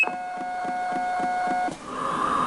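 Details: Mini Pegaso cough assist machine switched on in automatic mode, delivering inspiration by the set times: a steady electronic tone with rhythmic clicking at start-up, then airflow hiss; cough assist device start tone.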